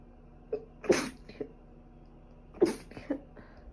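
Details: Two sharp sneezes, each preceded by a quick intake of breath, in a person with a cold plus allergic rhinitis, with a runny and stuffy nose and five days of fever.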